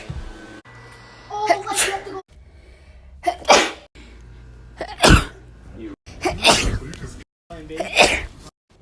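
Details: Five or six forceful sneezes in a row separated by short gaps, with faint music behind; repeated sneezing.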